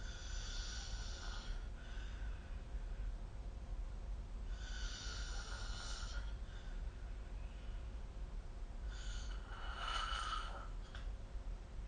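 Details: Three rasping snores, each on an in-breath, over steady low background hum; snoring during sleep, recorded with the SnoreLab smartphone app.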